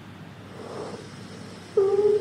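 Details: Wheeze on stethoscope chest auscultation in a respiratory examination teaching recording: soft breath noise, then a loud, steady musical whistle during the breath, from air through narrowed airways.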